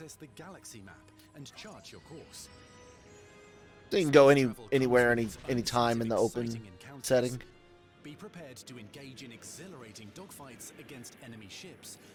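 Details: Adult male narrator; normal speech.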